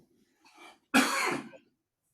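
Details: Adult man with a lingering cough after a week of fever and suspected sinusitis, treated with a steroid injection, cough syrup and antibiotics: soft throat-clearing, then a single loud, harsh cough burst in a quiet room.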